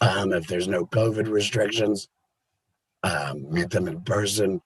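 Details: Adult laryngectomee (total removal of the larynx) who now mentors people about to have the surgery; the voice method is not stated; alaryngeal speech after laryngectomy.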